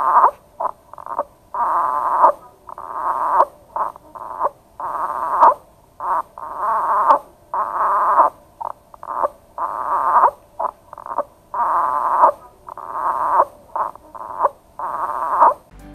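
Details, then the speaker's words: Audio example of expiratory grunting: rapid, repeated short mid-pitched grunts on each breath out. It is compensatory for poor lung compliance, e.g. in transient tachypnea of the newborn, respiratory distress syndrome, pneumonia, atelectasis, pleural effusion or pneumothorax. "common respiratory conditions that may progress to compensatory grinding are transient tachypnea of the newborn respiratory distress syndrome pneumonia atelectasis congenital lung malformation or hypoplasia pleural effusion or pneumothorax listen to an example of grunting"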